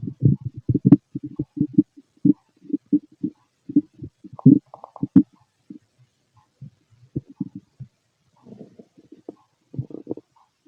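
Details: Irregular gurgles and low rumbling bursts from an empty stomach: ordinary stomach growling (bowel sounds); recording also contains a heartbeat later.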